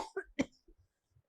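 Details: A child gives a few short, dry coughs or throat-clearing bursts close together, then quiet.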